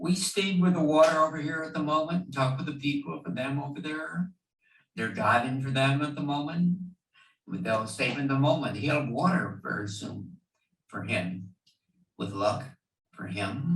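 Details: Fluent (Wernicke's) aphasia in a man; motor speech production is intact but word comprehension is impaired, producing plentiful speech that makes little sense; Wernicke's aphasia.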